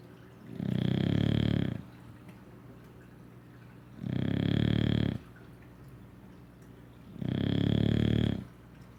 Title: Rygg English Bulldog snoring his butt off after a ruff day of doing nothing....